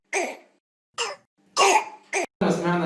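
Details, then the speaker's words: Child or infant with laryngitis (croup), early stage after mild runny nose, nasal congestion and low fever, voice slightly hoarse: several short, harsh, hoarse coughs with brief pauses, the characteristic barking cough of croup. "تبدأ الصوت يحصل له بحة بسيطة مع كحة مميزة جدا زي اللي هنسمعها دي."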